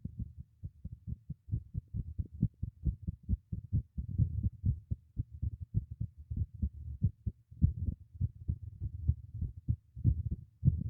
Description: My new microphone secured into place beneath this teacup makes for a nice and pretty clear recording of my heartbeat :)